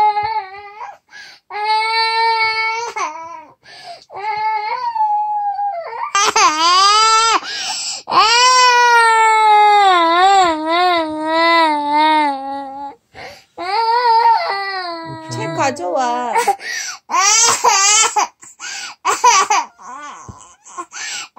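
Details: Toddler crying: 28-month-old (2-year-old) child cries in long wailing bursts with shaky pitch, protesting bedtime in a small quiet room, wanting books read and the living-room light on.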